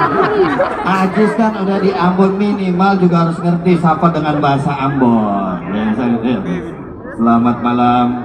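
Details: Adult male speaker; no speech disorder.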